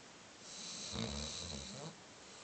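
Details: Yoshi snoring, recorded on an Android phone: a single rough, rumbling snore on a breath lasting about a second, with airy noise around it.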